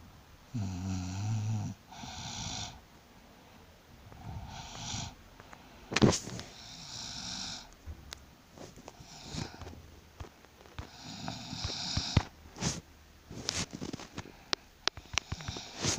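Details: Snoring during pregnancy: repeated rough, rattling snores with breathy whistling parts between them, recorded in a small room during sleep.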